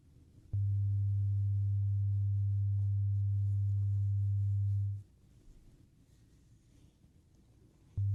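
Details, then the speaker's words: Simulated ASMR ear-exam roleplay, hearing test through headphones, patient says which ear hears it: a steady low pure tone lasting about four seconds, then quiet, then the tone starts again. "Doing the hearing test, and I'm just going to tell you what you need to do for each step, okay? Let me just start it off. For this one, let me know when you hear the beep."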